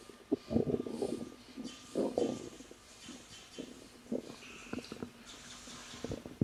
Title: 3 month pregnant woman experience stomach growling while relaxing